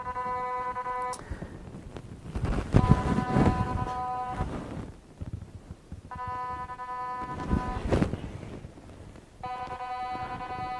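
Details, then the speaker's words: QRS Quantron Resonance System pulsed magnetic field therapy: a magnetic field detector held over the whole-body pad applicator on an eight-minute session picks up buzzing tones switching on and off with rumbling pulses, a pulsing signal. "you can hear the signal is operating off the body pad and you can see it's like a pulsing signal"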